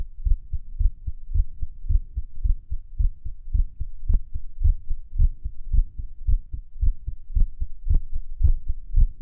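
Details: Low, fast heart thumps at about 110 a minute at Erb's point while lying on the stomach, listening to music, with uneven spacing between some beats consistent with an irregular heartbeat.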